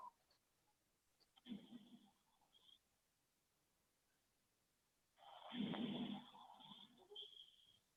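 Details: Normal pulmonary auscultation in a virtual clinical examination: soft, rustling vesicular breath sounds through a stethoscope, with longer inspiration and shorter expiration.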